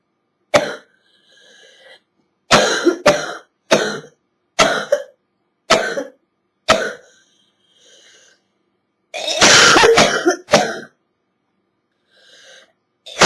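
Repeated harsh, hacking coughs in single bursts and short runs, about ten in all, fitting a wet cough from a chest cold.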